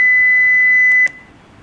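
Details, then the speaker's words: HeartStart defibrillator during a self-test sound check: a steady high-pitched electronic tone of about one second, then a brief click; the heart rate tone, played after the message alert. "ต่อไปเป็นการเทสเสียงค่ะอันนี้ก็จะเป็นเสียงของเราก็จะกด Enter เพื่อฟังเสียงของ Message Alert ค่ะแล้วก็เป็นเสียง Heart"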